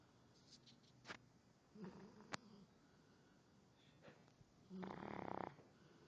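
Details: Sleepy dog that snores loudly when tired: soft snoring breaths, a louder buzzing snore near the end, and small clicks and rustles.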